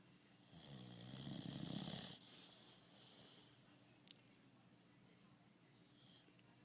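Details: Boxer dog snoring: one loud, drawn-out rumbling snore, then quiet breathing with a soft click and faint sniff.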